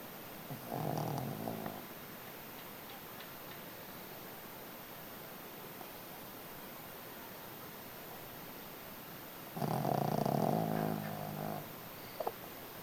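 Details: 11-year-old Shih Tzu dog sleeping comfortably: two low, rattling snores about eight seconds apart with a faint steady hiss between them; snoring.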